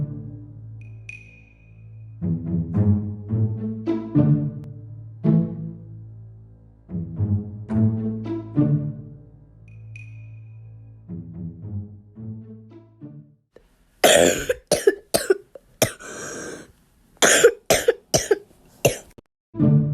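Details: An adult who says they have a bad cough gives a run of about seven harsh, abrupt coughs in quick succession after a stretch of low music.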